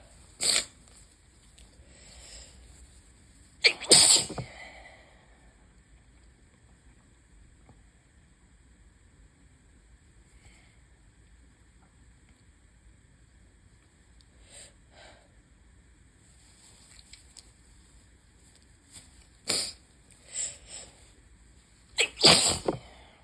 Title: High pollen + open window = lots and lots of sneezes (bad allergy day 1/5)